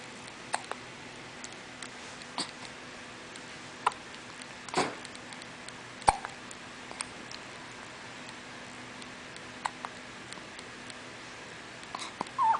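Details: Soft, abrupt little catches recurring irregularly, roughly six in twelve seconds, against quiet room hiss; hiccups.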